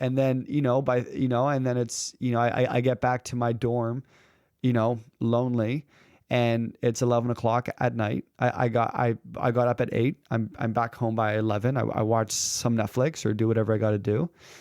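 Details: Male who has stuttered since about age 3, with stuttering running in his mother's family, now a communication and public speaking coach; stuttering.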